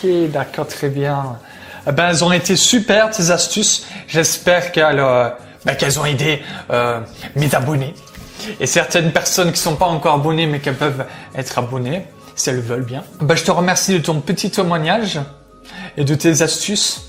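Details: Adult male speaker; fluent speech.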